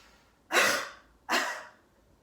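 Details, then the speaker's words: Simulated nursing teaching demonstration of deep breathing and coughing exercises, performed by the instructor's daughter as the patient. After deep, quicker breaths, two deep, deliberate voluntary coughs a moment apart. "Next, I'll have the patient breathe in deeply for me, and then deeply and a little quicker this time, and take 1 or 2 deep coughs out."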